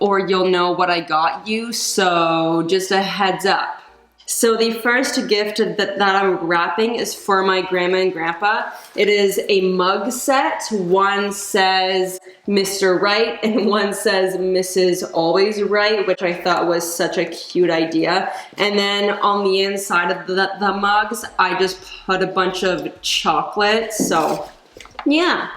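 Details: Stuttering in an adult woman who says caffeine worsens her stutter and anxiety; she recently gave up coffee but still drinks tea and decaf.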